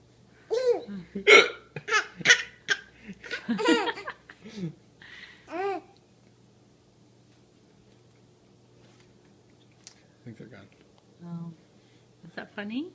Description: My 4 month old thinks her dad's hiccups are hilarious.